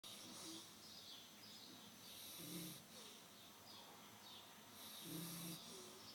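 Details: Brand-new puppy in deep sleep: soft, faint snuffling snores with small squeaky tones against steady room hiss; light, normal puppy snoring.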